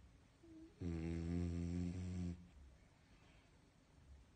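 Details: Dog snoring while sleeping calmly and comfortably: one long, low, buzzing snore on the in-breath, then quiet breathing; snoring.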